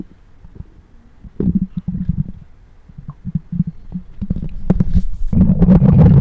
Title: Mic Up Stomach Growls 2